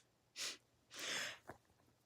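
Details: A single sneeze during a staged classroom comedy skit: a sharp breathy intake, then a forceful hissing burst of air in a quiet room.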